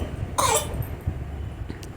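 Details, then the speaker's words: Young child with heart disease, unable to sleep: a single harsh cough burst amid room noise; child coughing hard. "आपको second sound जो सुनाई दे रही है, की खांसी है, बहुत तेज़ खांस रही है, बहुत दिक्कत हो रही है।"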